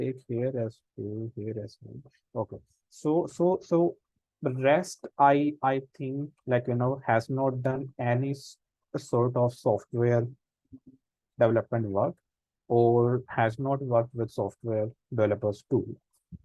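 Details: Real stuttering in an adult man, a senior volunteer of an Indian self-help association of people who stammer, with word repetitions while hosting a session; stuttering.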